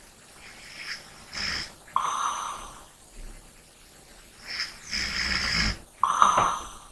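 Two breath cycles of light snorting and airy breathing with a faint nasal whistle; mild snoring.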